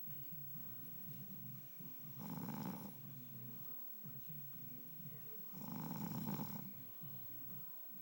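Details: Adult husband snoring: two rough, fluttering snores about four seconds apart, with soft noisy breathing between them. Snoring.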